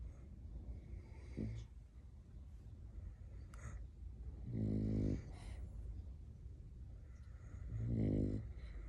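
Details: A sleeping French bulldog gives low rumbling snores about three seconds apart over quiet room noise; snoring from a flat-faced dog.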